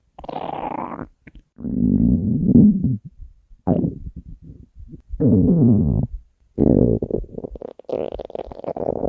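Loud, long groaning and gurgling rumbles with changing pitch, separated by short quiet gaps. Hunger stomach growling.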